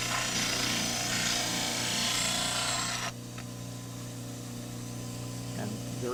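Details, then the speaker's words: Dental cast trimmer, water on the blade, trimming a poured diagnostic plaster cast for complete dentures round while preserving the impression surface: loud steady abrasive grinding over motor hum, then grinding stops while the motor runs. "we trim it down on the C gas trimmer making sure that there's lots of water on that blade as we trim"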